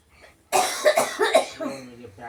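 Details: Imitated, forced voiced cough bursts followed by a trailing voiced sound; a deliberate cough attempt, not from illness.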